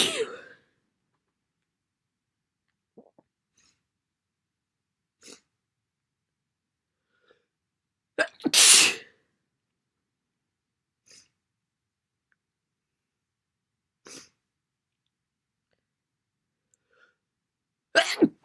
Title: Very wet sneezes. Another cold?